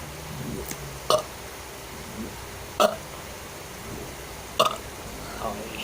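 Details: A deliberate burping performance: three short, abrupt belches spaced evenly over a few seconds, with faint background noise.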